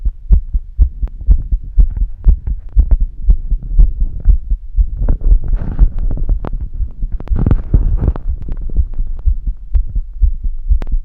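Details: Female heartbeat: steady, low, muffled heart thumps repeating regularly, an ordinary normal heartbeat.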